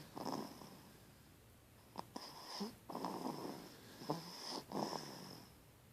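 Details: Person sleeping: soft, uneven rattling breaths with a faint whistle, about four in six seconds, in a quiet room; snoring.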